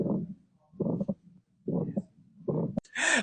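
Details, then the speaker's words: Aortic stenosis murmur: regular heartbeat near 75 a minute, each beat carrying a harsh, rumbling systolic murmur; a listener guessed holosystolic murmur, answer given as aortic stenosis. "All right, Brooke, what do you think that this heart murmur is? A holo systolic murmur. Holo systolic, let's check. And the answer is aortic stenosis."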